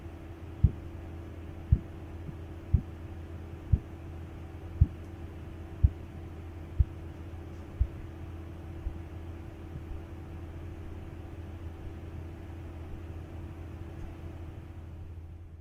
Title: Korotkoff Sounds Testing❤️🌹